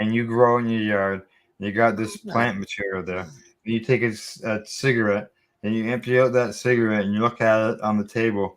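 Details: Adult man speaking; typical adult speech.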